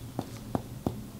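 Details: Four soft, dull thuds from finger percussion over the left upper quadrant (spleen area) of a young man exposed to mono with sore throat and fever, demonstrating the dull sound a mass makes rather than the normal hollow note.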